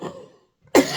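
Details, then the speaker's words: A single abrupt, loose-sounding productive cough from an adult recovering from sore throat/laryngitis. "buddies I'm so sorry but you hear the the difference with a productive cough and when the cough is dry that's hard"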